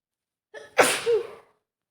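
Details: Female with a mild cold (runny nose, sore throat, sneezy all day): brief in-breath, then one sharp, explosive sneeze tailing off into breathy noise.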